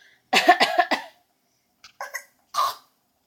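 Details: A young girl asked to cough gives a quick run of four short coughs, then a few softer single coughs: a voluntary cough.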